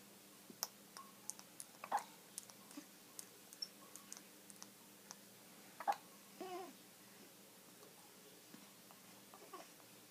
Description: Kitty looks at baby hiccuping